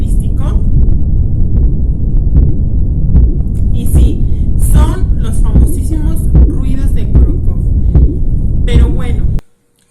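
Soft rhythmic tapping thuds over heavy low rumble: Korotkoff sounds from blood pressure measurement with a cuff.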